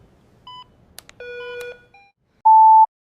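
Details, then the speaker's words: A few electronic tones and button beeps, then a sustained steady alarm as a nurse activates code blue for a 55-year-old man found pulseless and unresponsive the day after hernia surgery, in a dramatized hospital training video. "She checked Mr. Sharma's pulse and responsiveness. Nothing. Quickly, she pushed the code blue alarm."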